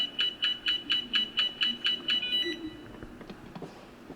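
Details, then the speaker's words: About eleven rapid, even, high-pitched beeps, then quiet: Periotest failed-measurement alarm, unable to measure contact time when tapping a highly mobile or soft object such as a rubber cup. "When an object is highly mobile or soft, like this rubber cup, perio test cannot measure the contact time."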